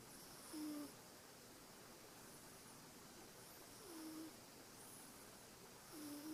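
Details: A sleeping cat snoring: three soft, whistling, falling snore sounds with each breath, a few seconds apart, over steady background hiss.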